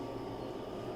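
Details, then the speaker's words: Oxymed Mini oxygen concentrator switched to standby mode, compressor still running at the back until the main button is pressed: continuous low mechanical hum and rumble. "And once it is into a standby mode, you will still hear the compressor running at the back, which you will have to switch off"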